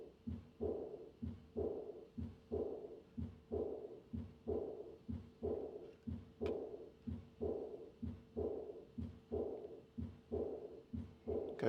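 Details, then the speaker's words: Aortic regurgitation in a patient with the typical murmur: three normal beats, then a high-pitched decrescendo diastolic murmur after each second sound, usually heard at the third or fourth left intercostal space; regular heartbeat near 62 a minute. "the classic murmur of aortic regurgitation is a diastolic a crescendo murmur usually heard in the third or fourth left intercostal space. This murmur has a high pitched character."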